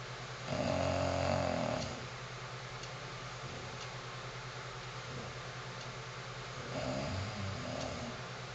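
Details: Female English bulldog snoring loudly while asleep: rough, rattling snores, two loud breaths with quieter breathing between, over a steady low room hum.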